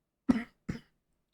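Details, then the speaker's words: Two short, throaty coughs, the second softer, with a throat clear, from a streamer still somewhat sick after a week away and feeling much better; a lingering cough. "And sorry I was gone for a week [cough] [clears throat] as you can hear. Still still kind of sick. Um, but feeling much much better. Probably sound better, too. But the cough, man."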